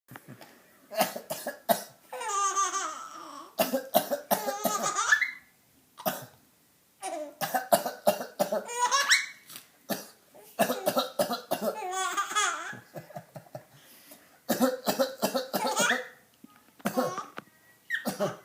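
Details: Adult father coughing in repeated short, dry bursts in clusters, alternating with his baby's bright laughter.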